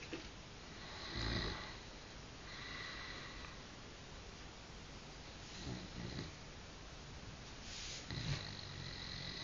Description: The hubby reckons he doesn't snore?!? Got ya!!! haha xx